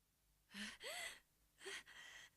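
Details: Two quick, sharp inward gasps with a short vocal catch, a sneeze wind-up from an animated anime character (English dub): gasping.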